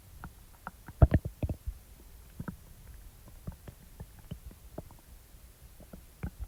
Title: Stomach Rumbling Sounds After Eating ⎹ soft + loud growls ♡